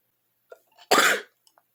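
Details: Short intake of breath followed by one sharp, explosive sneeze during a cold; sneeze.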